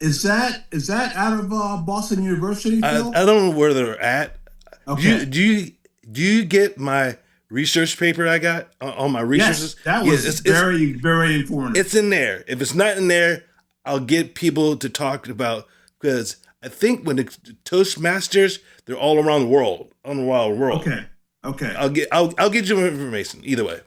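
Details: Aphasia in an adult man attending weekly speech therapy.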